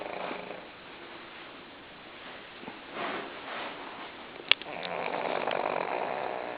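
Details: Female pug, a flat-faced dog, lying still and asleep after a tiring day, snoring loudly with raspy, rattling breathing noises over light room noise; snoring.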